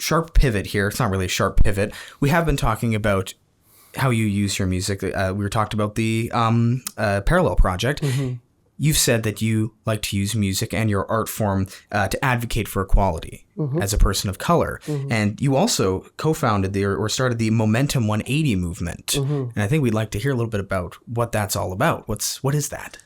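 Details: Adult male speaker; Normal voice.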